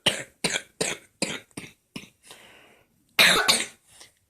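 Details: A sick child has a coughing fit: about eight sharp, dry coughs in quick succession, with a brief breath between bursts.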